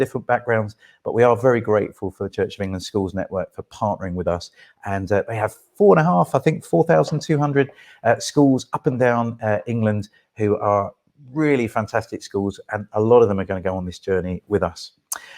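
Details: Adult male speaker; ordinary speech.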